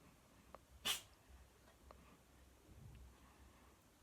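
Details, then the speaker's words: A female cat makes an unusual sneeze, one of about five in a row: one sharp, explosive sneeze with faint snorts and quiet room noise around it. "my cat's weird sneezing. She's like this, like, she's done this like 5 times."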